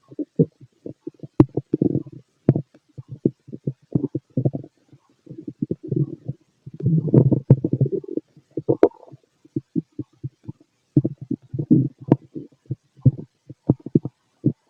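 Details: Stomach growling in a fit male, heard through a stethoscope: frequent low gurgling and rumbling bursts with brief pauses; ordinary active bowel sounds.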